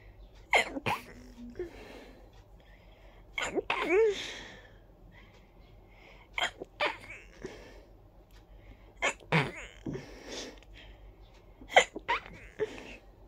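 Repeated sharp sneezes, about five bursts, each with a quick intake before, in a quiet room.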